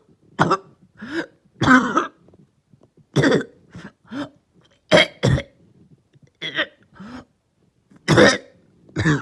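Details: Person with cough and headache, lingering cough started the previous night: repeated short, harsh coughs in close clusters, roughly a dozen bursts with throat-clearing between; persistent cough.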